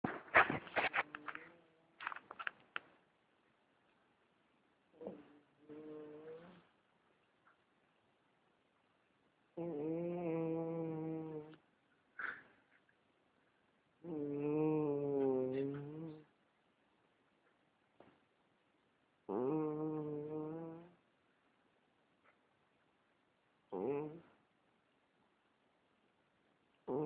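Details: A sleeping pet cat snores loudly, with tonal, buzzing breaths repeating about every five seconds.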